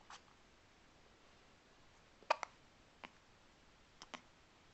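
Several brief, sharp, quiet clicks with pauses between them in a quiet room, consistent with hiccups.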